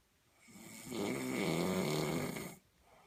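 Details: Snoring: a single drawn-out snore, rough and fluttering, rising and fading over about two seconds.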